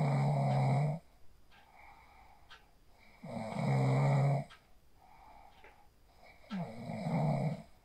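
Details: Snoring: person asleep after practising the 4-7-8 breathing sleep technique, recorded on a phone.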